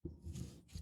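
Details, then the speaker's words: A dog snoring loudly while sleeping near the microphone, a single low fluttering rumble heard as background noise. "Can you hear Boogie barking? I mean, not barking, snoring over here."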